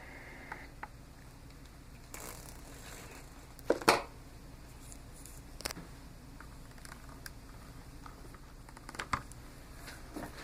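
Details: Small travel CPAP (DreamStation GO, AirMini or Transcend) running at 10 cmH2O with flex 3: faint, steady low hum with a few brief handling clicks; CPAP machine noise.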